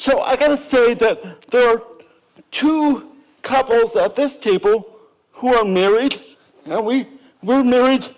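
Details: Adult woman with cerebral palsy and lifelong speech impairment, who first spoke at age four and was understood early on only by her sister; dysarthria (cerebral palsy).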